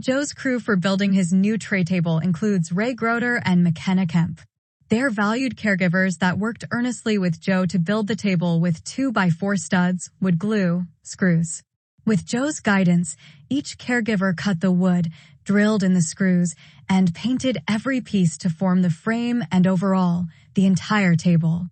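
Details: Adult narrator, possibly a synthesized voice; normal speech.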